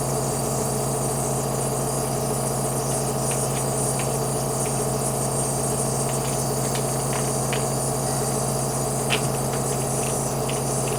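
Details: A quadriplegic smoker during a breathing treatment: steady mechanical hum with a low droning buzz throughout from the running nebulizer compressor.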